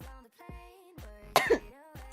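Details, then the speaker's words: A single brief, muffled sneeze from a female streamer, cut in as a sharp burst over soft background music and quickly muted. "Did you hear that sneeze? Or not? You know, sneeze."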